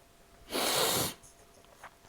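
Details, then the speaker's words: Adult woman with nasal congestion during a live stream: one forceful, hissing sneeze lasting about half a second, then quiet room noise. "Sorry about my nasal stuff tonight. I have some sneezing."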